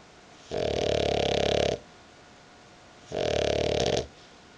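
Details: Dog snoring while sleeping on the owner's belly: two loud, rough, rattling snores, each over a second long, with a quiet pause between them.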